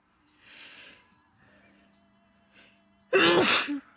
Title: Merry Christmas - induced sneezes and a nose blow at the end